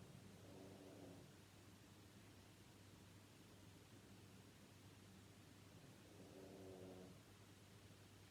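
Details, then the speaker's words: A dog snoring softly in the background. "si vous entendez un petit bruit c'est mon chien qui ronfle"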